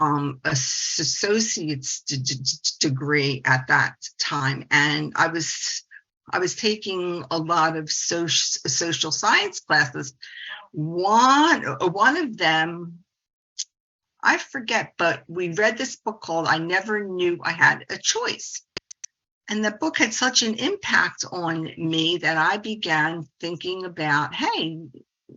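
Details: 68-year-old woman, a speech-language pathologist who stutters and has embraced it through the stuttering support community over the past 25 years; adult stuttering in spontaneous presentation speech.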